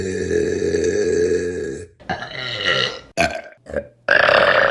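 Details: A long, loud, deep-voiced belch, then several shorter burps; burping compilation.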